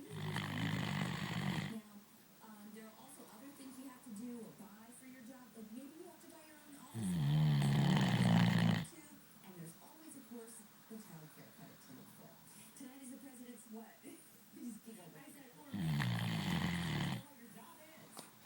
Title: Peanut snoring